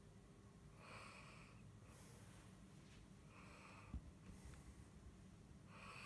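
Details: Sleeping cat snoring: soft, regular breathy snores roughly every two seconds in a quiet room.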